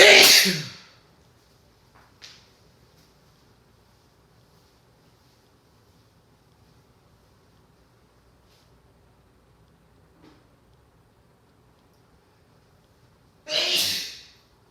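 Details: Two sharp, hissing sneezes in the early morning, separated by about 13 seconds of near silence in a quiet room; sneeze.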